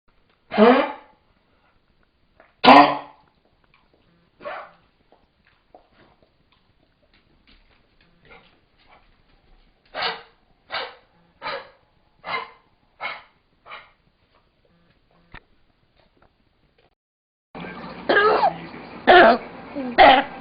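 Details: A dog gives harsh, honking coughs, including a rapid run of six, shown as signs of kennel cough.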